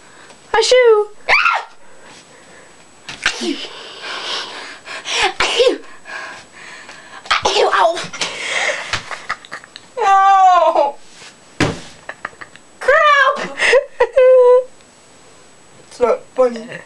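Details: Sneeze attack: several abrupt, explosive sneeze bursts mixed with squeaky, whistling vocal sounds in a quiet room.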